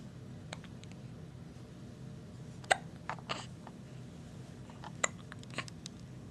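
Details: Baby hiccups in a quiet room: a few sharp, brief infant hiccup clicks; ordinary, harmless hiccups.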